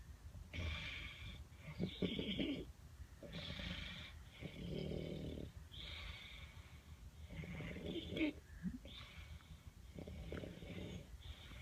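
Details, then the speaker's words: Adult man snoring after a night of drinking: loud, rattling snores on each breath, about one every two seconds, with noisy airflow between. "Do you hear that? This is what it's like sleeping next to him when he's been drinking."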